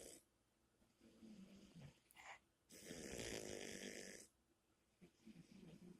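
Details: Snoring while asleep: low rattling breath sounds, then a long, loud, harsh snore lasting over a second.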